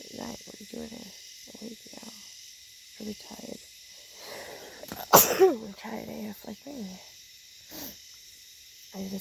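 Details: A single loud, explosive sneeze breaks into quiet conversation while tent camping in the Australian bush, with outdoor background noise.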